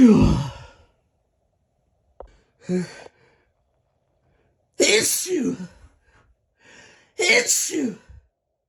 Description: Just my side of a fun evening with someone having a drink and sneezing for each other. Mostly stifles here.